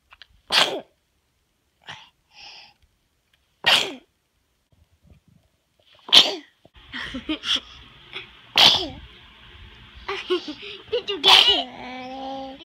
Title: A sneezetastic snippet of first year of life